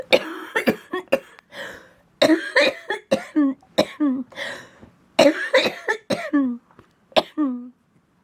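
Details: Repeated bouts of harsh coughing in clusters with strained, wheezy catches, from a person with cystic fibrosis whose lungs are getting more infected with pan-resistant bacteria despite vest airway clearance three times; cystic fibrosis cough.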